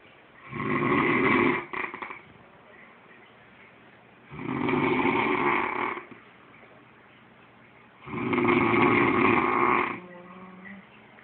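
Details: Three loud, rattling snores on the in-breath about every four seconds, likened to a horse, with quiet exhalations between; heavy snoring.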